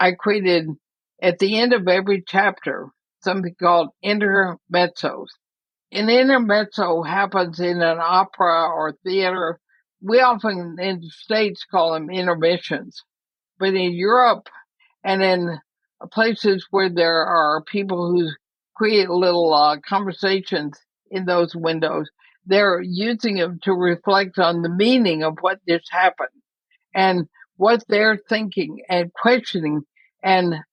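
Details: Woman near 80 diagnosed with ALS (Lou Gehrig's disease), who says she already has quite a bit of trouble speaking but is still intelligible; dysarthria (ALS).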